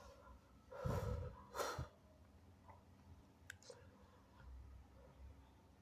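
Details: Two loud, wet sneezes in quick succession, then quiet sniffling and breathing, from a person (he/they) who is still somewhat sick; extremely wet, snotty sneezes.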